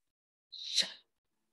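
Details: Jaw noise during exhalation, demonstrated by a speech therapist during voice-therapy breathing exercises, with a little voice added; acted demonstration, not a patient.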